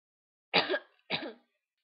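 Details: Two brief, harsh throat-clearing bursts in quick succession in a quiet room, from a person who says they have been coughing all day and have a cough drop in their mouth.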